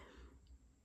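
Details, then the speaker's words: Adult with allergy-season eye and throat irritation and a hoarse voice clears her throat: a brief, low, rough throat clear in a quiet room. "It's been allergy season here in Northern California, and my eyes and throat, which is why my voice sounds like I'm a smoker, sounds like this right now because the allergies are kind of trying to take me down."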